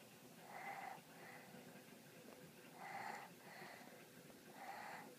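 Soft, rhythmic snoring in a sleeping cat, about 26 breaths a minute; ordinary snoring.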